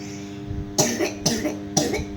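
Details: A child gives three short, sharp coughs in quick succession over a steady background hum; her father scolded her for the cough, blaming too many iced drinks.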